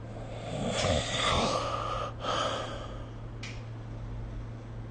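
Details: Light, irregular snoring recorded with the SnoreLab phone app: soft snorting, breathy snore noises with a brief gasp-like breath and a faint click.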